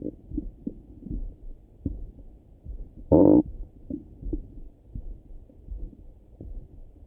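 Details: Person's own morning stomach rumbling: soft low gurgles and thuds with one brief louder squeaky gurgle, ordinary bowel sounds (borborygmi).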